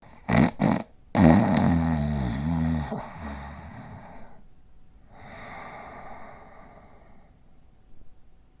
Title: Border Collie Sleeping & Snoring in 43 seconds